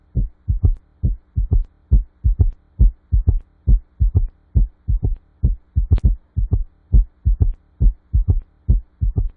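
Regular heartbeat near 68 per minute with an extra low third sound after the second, giving a galloping rhythm.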